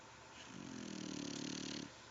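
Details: Sleeping dog snoring like a human: a single soft, rattling, buzzing breath, a snore.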